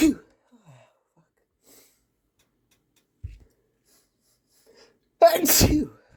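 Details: Single forceful, wet sneeze from a male, after a few quiet sniffs and a faint intake of breath.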